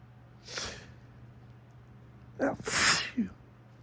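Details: Photic sneeze reflex triggered by strong morning sunlight on the face while looking into it, not allergy: a soft sneeze, then a loud forceful sneeze preceded by a short intake.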